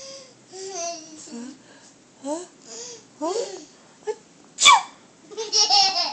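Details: Single sharp adult sneeze from a woman with fall allergies, interrupting a toddler's giggles and babbling; the toddler laughs again afterward, finding the sneeze funny.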